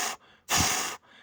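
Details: Vocal imitation of a mitral stenosis murmur, given during a 3D heart anatomy explanation of valve closure and heart sounds, noting a click arises from a stenosis.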